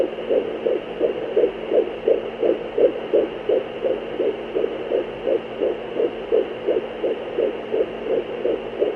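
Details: Fetal heartbeat on Doppler: rapid, regular whooshing pulses at about 170 beats per minute over a steady hum.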